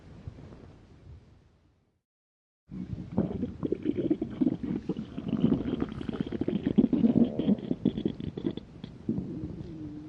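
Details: Stomach growling (borborygmi): after a brief pause, long gurgling, rumbling growls from the belly.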